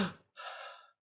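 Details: Demonstrated autogenic drainage for cough and excess phlegm: after shallow then tidal-volume breathing cycles, a brief exhale and one long deep inspiration at high lung volume, repeated in cycles to move sputum upward.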